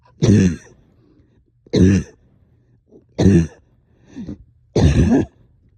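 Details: Productive cough, up coughing all night with stubborn sticky phlegm, heavy chest and headache: four heavy, wet cough bursts with a softer one between, in quiet surroundings.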